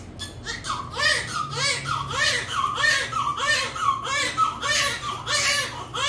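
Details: Newborn baby girl just after normal spontaneous vaginal delivery: vigorous, rhythmic cry, about 100 bursts a minute, strong and sustained; a normal first cry.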